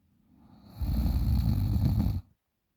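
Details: 20-year-old female asleep: one deep, loud, rumbling snore on a single in-breath; heavy snoring.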